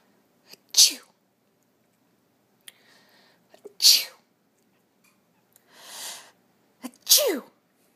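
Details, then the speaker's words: Three sharp sneezes from a person, each with a quick breath drawn in first, spaced a few seconds apart in a quiet room; ordinary sneezing, possibly fake, that annoys the pet cat. "what's wrong Rory you don't like the sneezing Rory okay I'm all done no more sneezing"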